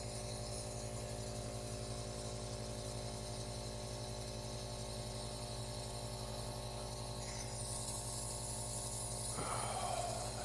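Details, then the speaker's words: Compressor nebulizer running, giving off visible vapor, while an adult demonstrates by breathing in through the mask; a steady buzzing hum with a breath near the end. "let's fire up this little guy and you'll immediately see that a a steam or a vapor comes out of the machine itself"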